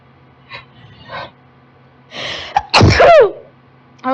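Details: Allergic girl's sneezing fit, set off when she turned on a desktop computer: soft stifled breaths, a sharp inhaled gasp, then one loud uncovered sneeze with a voiced cry.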